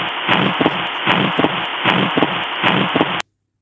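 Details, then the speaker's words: Pulmonary regurgitation (Graham Steell) murmur on a teaching recording: regular heart sounds about 77/min with a high-pitched early diastolic decrescendo hiss, best heard at the pulmonary area, typically not radiating. "It is rare and is usually due to pulmonary hypertension and then it is called as graham steel murmur. It is best heard in the pulmonary area."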